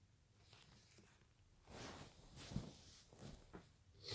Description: Just woken up and i started to feel the familiar tickle in my nose again. This cold is making me sneeze like crazy